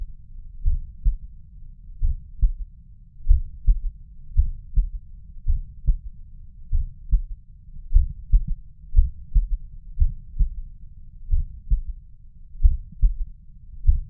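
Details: Third heart sound (S3) heard at the mitral area: low, muffled heartbeat at about 75 a minute, with a soft extra thud after the second sound.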